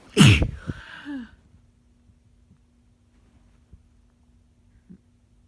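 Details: Person sick amid swinging weather, with many people around them also sick: a single loud explosive sneeze with a sharp intake and burst, then quiet room noise.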